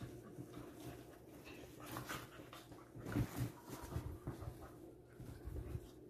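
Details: Dog panting after playing outside for hours, before bedtime: quick, shallow breathing with faint whimpers over room noise.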